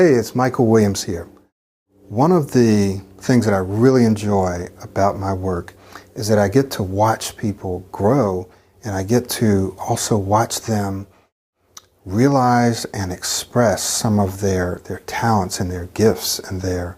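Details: Adult male speaker; typical speech.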